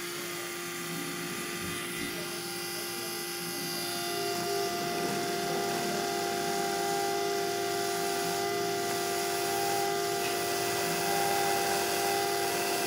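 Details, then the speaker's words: Dental implant pilot drill run quickly to 13 mm depth, using a 13 mm length drill as a built-in stopper, for a 3.75 x 13 mm C1 MIS implant after spade drill site marking: steady high-pitched continuous drill whine. "next up is the pilot drill as i mentioned we're drilling to 13 millimeter depth so i'll use our 13 millimeter length drill as a built-in stopper to prevent me from over drilling in the interest of time i'm going to drill rather quickly"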